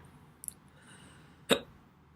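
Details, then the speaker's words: A single sharp, abrupt voiced hiccup gulp after a faint click, from an adult who has had severe hiccups for about six hours, starting around 5 p.m. after eating. "alright guys so today is gonna be a different video because I want to record something but I had a hiccup the entire day"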